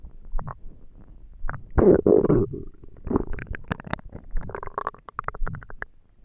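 Loud, drawn-out gurgling rumbles breaking into rapid bubbling pops; ordinary hunger growling of the stomach.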